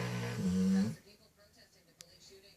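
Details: Sleeping Cane Corso dog at night: one loud, low rumbling snore followed by quiet breathing.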